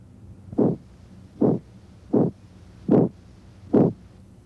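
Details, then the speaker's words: Abdominal bruit heard by stethoscope: rhythmic whooshing at about 75 a minute. "in a patient with hypertension a buoy raises suspicion of renal artery stenosis but most buoys have other causes"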